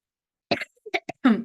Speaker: very sorry about the coughing the percussion will be different because again like empty water bottle full water bottle when you tap it you will hear a fuller sound